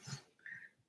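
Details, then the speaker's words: A brief, quiet low snuffling snort followed by a thin whistling note on the breath, from a sleeping female dog snoring in the background. "you know that's my dog snoring in the background by the way if you hear these noises"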